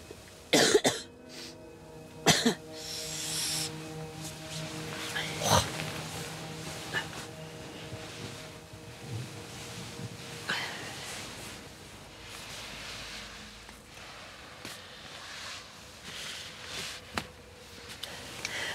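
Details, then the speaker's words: Several sharp, separate coughs from people with COVID-19 (cough, fever) at a high-altitude Himalayan Dhaulagiri expedition base camp, many Sherpas ill, soft background music. "Von überall her hört man Husten."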